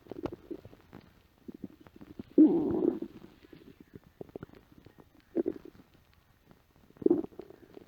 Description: Home after work, empty stomach after a light lunch. My stomach let out some big growls.